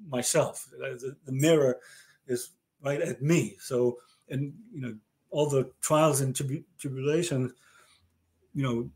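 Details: Male stroke survivor with aphasia diagnosed after a stroke about 30 years ago; aphasia.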